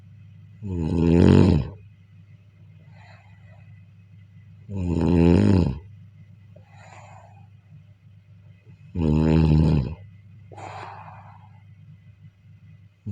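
Deep, rumbling snores on each breath in with softer airy breaths out, about 15 breaths a minute: snoring.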